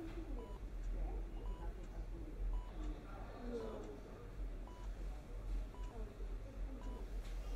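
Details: Patient giving only very few words; fewer than 20 words in a five-minute exam would score 2 on the Bush-Francis Catatonia Rating Scale mutism item; catatonic mutism (minimal speech).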